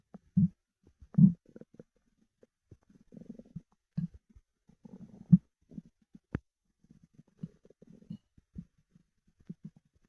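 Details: Stomach of a person after 24 hours without food: irregular deep gurgles and rumbles with quiet gaps between bursts, ordinary hunger growling; borborygmi.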